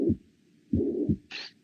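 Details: Tricuspid regurgitation murmur.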